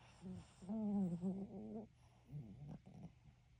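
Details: Sleeping Chihuahua under red light therapy: two noisy, tonal, grumbling breaths, a high-pitched rattling snore.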